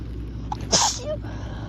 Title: Strong sneezes